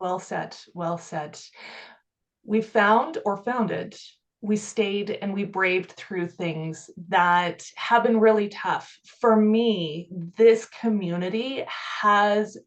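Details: Adult woman speaking; ordinary speech.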